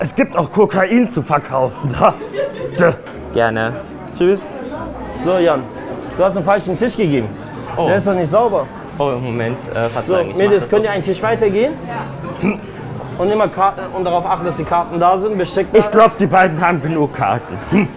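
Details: Adult speaker in a café with background music; ordinary speech.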